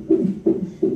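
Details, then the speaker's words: Rhythmic whooshing beats, roughly 140 a minute, from a fetal monitor in hospital during labor. The mother has contractions every five to six minutes; the baby girl was born the following day. A fetal heartbeat. "we hope she's born tomorrow because the heartbeat you can hear the heartbeat from the back"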